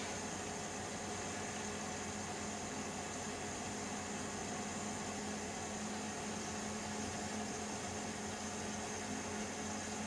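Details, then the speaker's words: Datex-Ohmeda Instrumentarium anesthesia gas monitor, with a small tube connected for blowing into it, being switched on: a steady fan and pump hiss with a low hum as it runs its start-up routine. "so I turn it on you can see Nice display now it is doing someot procedure iniuments seems in fact very very nice so it takes a few second to"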